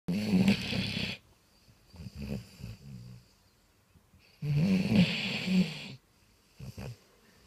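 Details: Basset hound snoring.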